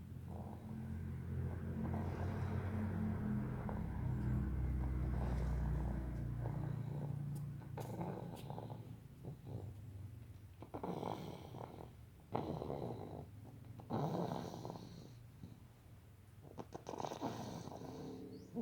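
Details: Snoring during sleep: low, rough rumbling breaths mixed with some background noise.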